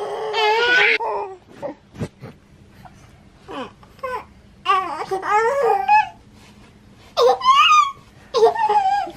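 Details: A newborn twin daughter, about 7 weeks old, cries in repeated rising and falling wails with short pauses before being fed; a hungry baby's cry.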